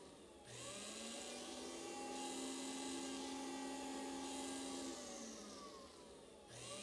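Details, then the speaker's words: Rotary burr drilling a hole through a toenail to relieve pressure from a subungual hematoma (blood trapped under the nail) in a foot clinic: steady high-pitched whine rising and falling with pressure; alcohol-soaked cotton cools the area. "drill to reduce or put a hole in the nail so that we can relieve some of that pressure."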